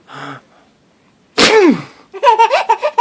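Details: Baby boy laughing at a sneeze: a brief vocal sound, a single loud sneeze burst, then the baby's bright giggling laughter.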